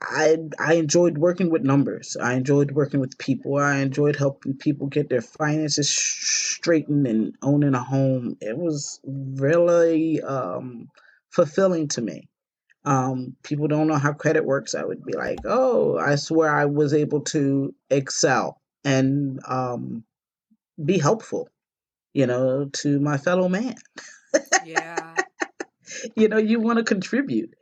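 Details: Aphasia in an adult woman, a stroke survivor.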